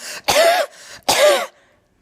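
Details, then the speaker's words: Adult teacher in a comedy sketch imitating a kindergarten child's hacking cough, simulated: two loud, harsh, voiced cough bursts about a second apart; cough. "so dear parents please do something about these hacking coughs that these children are coming to school with okay thanks bye"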